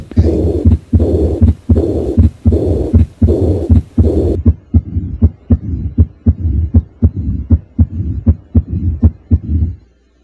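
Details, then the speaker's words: Unnamed heart murmur played as a quiz: regular heartbeat at about 79 a minute with a rushing murmur filling the gaps between beats. "Start with my intro where you will hear a murmur. Can you tell me the name of this murmur?"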